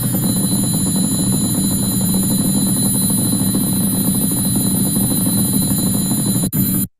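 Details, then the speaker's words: EMG sound of a woman's hand tremor, absent while sitting and with knees flexed, reappearing on standing erect: continuous fast rhythmic helicopter-like thrumming, consistent with primary orthostatic tremor affecting the hand. "And this is while sitting. And she is made to stand now. It's not there at this moment with easy flexed. On standing erect, the similar sound appears again."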